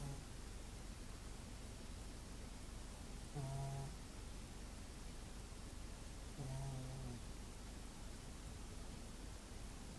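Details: A Shih Tzu dog snoring: two low, droning, slightly tonal snores about three seconds apart against steady background hiss.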